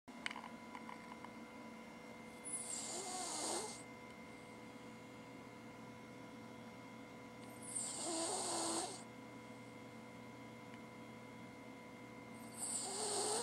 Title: Cavalier King Charles Spaniel Abbers Snoring With Her Tongue Hanging Out!